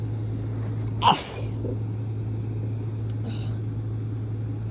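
One sharp, forceful sneeze over steady low engine hum, then quiet.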